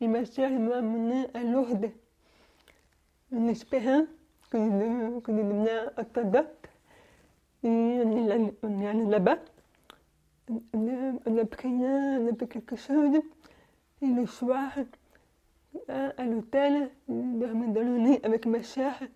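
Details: Young French-speaking woman, deaf since birth, wearing hearing aids since birth, speaking orally while lip-reading. Deaf speech from prelingual hearing loss.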